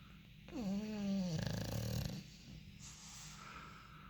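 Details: Monty, a bulldog, snoring loudly while asleep: a single loud, rattling, snort-like snore, a throaty pitched drone with fluttering, then quieter breathing.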